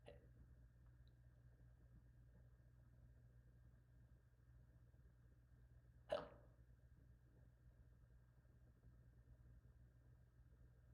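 A single sudden, sharp gulping catch in a quiet room; a hiccup.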